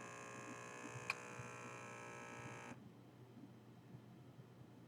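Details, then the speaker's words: Automatic blood pressure monitor on an adult man reporting irregular heart rate and chest pressure: steady electric buzzing of the pump inflating the cuff for about three seconds; the reading was then flagged high. "so I'm going to take my my blood pressure"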